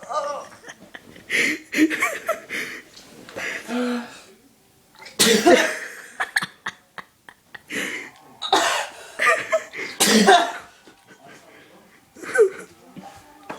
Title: cant stop sneezing! hahahaha